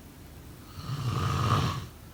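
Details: Snoring: a single low, rattling snore on breathing in, about one second long.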